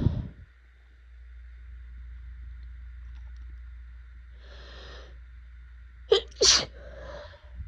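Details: Two sharp sneezes in quick succession near the end, with a faint steady hum, from an adult in a messy, itchy pollen allergy sneezing fit with swollen eyes and a burning throat.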